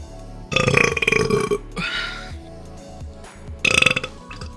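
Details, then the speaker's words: Long, loud, rumbling burps, two in quick succession and a third following, after drinking water, over background music; the person says excuse me. "Woo. Wow, excuse me. Excuse me. Ooh, that was much better."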